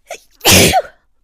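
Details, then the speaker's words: A short breath in, then one loud, explosive sneeze from an adult woman who reports having no allergies; she announces the sneeze just before it happens. "I'm going to sneeze again I think yep so yeah"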